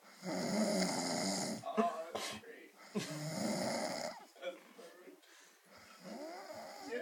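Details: Loud, rough, rattling snoring breaths at irregular intervals from a sleeping male after a late night, with faint voices in the room; snoring during sleep.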